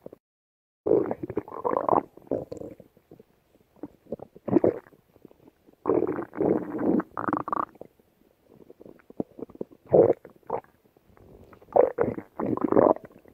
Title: Stomach Growling